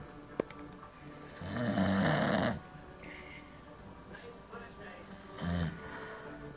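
Two loud, rough, rattling breaths drawn in during sleep, with quieter breathing between them: snoring.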